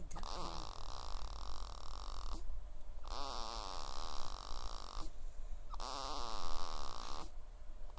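Loud, rattling snore on each breath, about 25 breaths a minute, over steady low background rumble.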